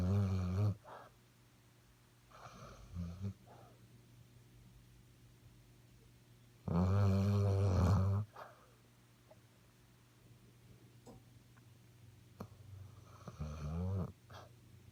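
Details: 7-month-old Labrador napping after a morning run: loud, low, rattling snores on inhalation, about three in fifteen seconds, with softer breaths between; snoring.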